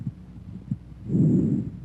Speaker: Bronco vascular sounds have an intermediate pitch and intensity inspiratory and expiratory sounds are about equal in duration and a silent Gap may or may not separate them